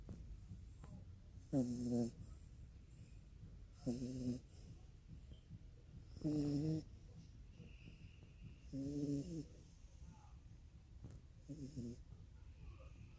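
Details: Dog snoring while asleep with eyes open after being rocked to sleep: five rhythmic, buzzing snores, about 25 a minute, over steady low room hum.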